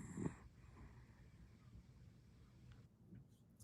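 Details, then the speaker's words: A male dog asleep after a rough week, giving a single brief, low snorting snore, then quiet breathing and faint room noise; he often wakes the owner with loud snoring. "It's a short one today because he had a rough week. Yes. It you can hear him snoring in a second."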